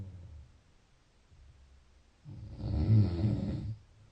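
After a quiet stretch, one low, rough, rattling breath sound rises and fades, typical of a snore.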